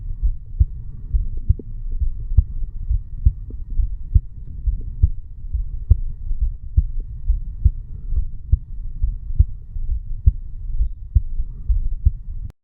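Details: Normal heart sounds of a 35-year-old male sitting on stairs, recorded over the bicuspid (mitral) valve area: steady, regular lub-dub at about 68 a minute, with low rumbling background noise.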